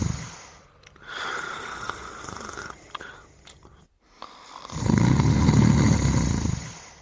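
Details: Person and dog sleeping together, snoring: a loud, low, rattling snore swelling on the breath in after a quieter stretch, with soft room noise.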